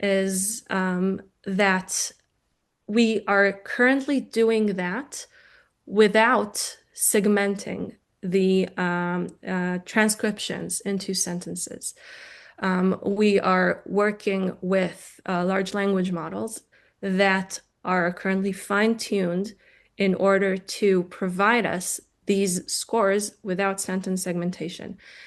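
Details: Adult woman lecturing; normal speech.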